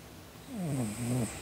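A single soft, rasping snore from a sleeping cat, rising then easing over about a second against quiet room noise; ordinary cat snoring.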